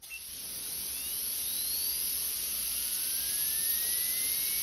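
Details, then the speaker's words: Defective electric dental drill: no torque at first, the high-pitched whine rises slowly in pitch for several seconds until full speed lets it cut; delayed motor spin-up. "Now it's at full speed and I can cut. So there's a delay."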